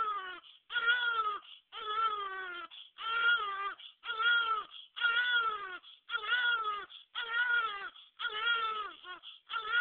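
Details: Newborn born a few days earlier, crying: rhythmic cries about one a second with brief breaths between; a normal infant cry.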